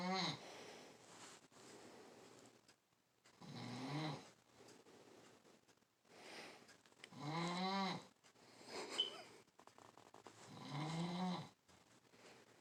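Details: Soft, irregular snoring with breathy inhaled snores about every four seconds in a quiet room. Snoring.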